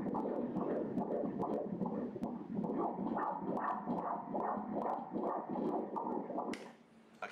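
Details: Fast, regular whooshing fetal heartbeat at about 145 beats per minute, a normal rate, at 22 weeks and 3 days of a first pregnancy, recorded during a morphology ultrasound.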